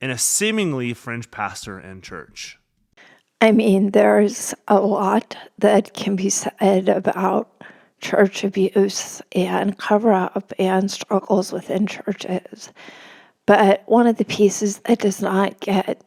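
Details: Real spasmodic dysphonia in a woman, a reporter, speaking as an interview guest; finding: spasmodic dysphonia.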